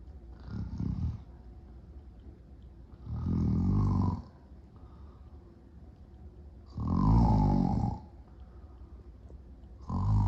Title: Short nap with big time snoring and sleep apnea.